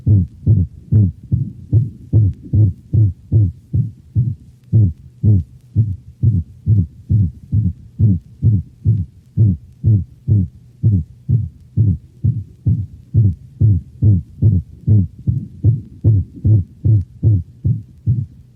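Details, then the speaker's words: Dog: rapid regular heartbeat with high-frequency, musical systolic whoop (seagull murmur), a variation of the holosystolic murmur of atrioventricular valvular insufficiency. "the systolic hoop or seagull murmur is a variation of the holosystolic murmur heard with atrial ventricular valvular insufficiency notice the high frequency and musical quality of the systolic hoop"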